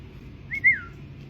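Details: Whistling vocal tic of Tourette syndrome in class: a sudden brief high whistle of two short rising-falling notes over a quiet organic chemistry lecture.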